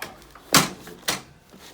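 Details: Chiropractic adjustment of the pelvis and lower back in a side-lying patient with ankle, hip and allergy complaints: two quick, sharp cracking pops about half a second apart; joint cavitation.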